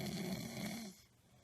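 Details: A celebrity, tired and asleep, snoring until his daughter wakes him: a single loud, low, rattling snore that fades out over about a second.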